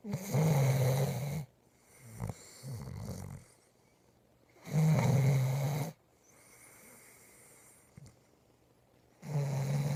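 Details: Loud, low, rattling snores on each breath in with quieter breaths out, about 13 breaths a minute: ordinary snoring.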